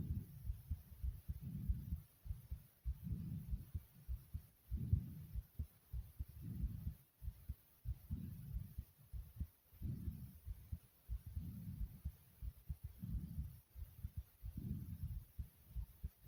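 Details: Muffled low thumping heartbeat in quick, closely packed clusters: fast heartbeat (tachycardia).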